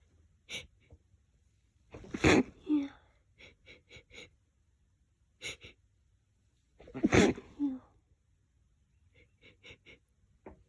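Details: Person sensitive but not allergic to lavender sticks face into a lavender-scented pillow: two loud sneezes, each after a catching inward breath, with quick sniffs between.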